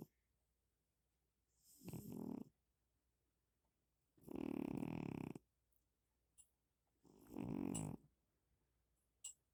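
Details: Loud, deep, strikingly humanlike snores about every two to three seconds from a cat snoring heavily in its sleep; snoring.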